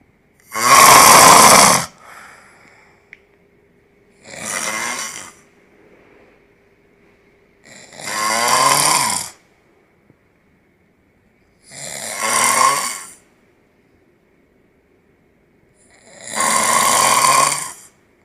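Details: Man sleeping and snoring: very loud, harsh snores, five in about 18 seconds, with long silent pauses between them; faint steady tone in the background.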